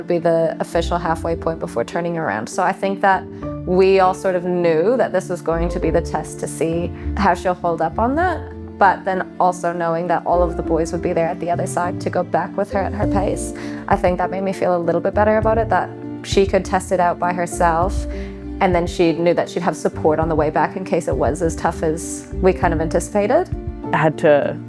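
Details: Adult woman speaking; normal speech.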